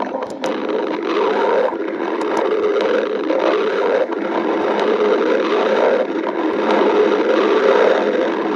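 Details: Continuous, uneven stomach rumbling and gurgling with occasional faint clicks: stomach growling (borborygmi).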